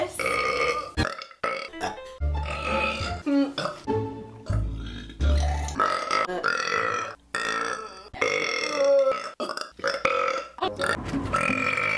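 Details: Loud, long, deep-voiced belches repeated over background music, likely deliberate: a burping compilation.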